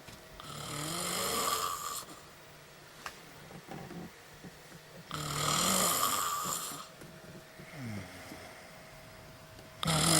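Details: Very loud, heavy human snoring: harsh snores on each inhaled breath, about 14 breaths a minute, with quieter breathing between.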